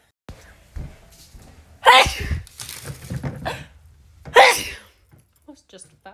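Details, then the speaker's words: Woman's rapid sneezes, compilation: two forceful sneezes with a sharp expulsive burst between quieter breaths and brief sounds; ordinary sneezing. "the need to sneeze is real i hate sneezing i hate it right now"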